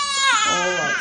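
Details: Infant girl crying during tongue-tie removal: a brief, loud, clear-toned wail, pitch falling then rising.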